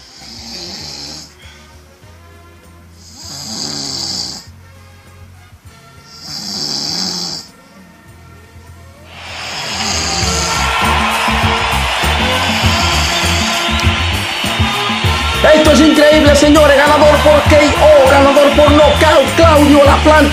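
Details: Three loud, rough snores about three seconds apart in a staged snoring contest, then music swells and covers the rest.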